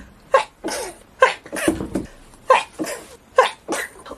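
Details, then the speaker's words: Woman deep-cleaning a dusty closet, nose itchy: four sneezes in quick succession, each a sharp burst followed by a trailing breath; a sneezing fit. "my God I can't stop sneezing I can't even talk to you guys because I can't stop sneezing this is really crazy"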